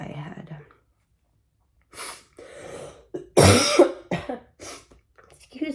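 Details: Adult with a head cold; brief speech broken by a loud cough and several throat clearings in a quiet room; mild cough and throat clearing.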